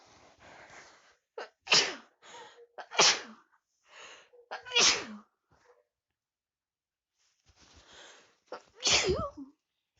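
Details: Several sneezes from a person with a cold after sleeping with the window open, each with a quick indrawn breath before a sharp explosive burst, separated by pauses; sneezing.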